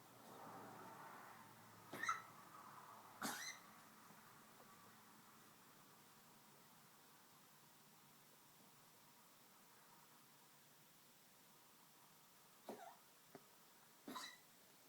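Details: 13+-year-old Maltese dog with degenerative valve disease (murmur, enlarged heart, leaky valve): a few short, dry, harsh coughs, faint against room hiss; tracheal cough, per cardiologist not related to his heart disease.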